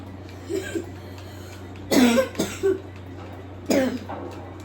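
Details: Cough: several short, harsh cough bursts, a couple in quick pairs, with a steady low room hum behind.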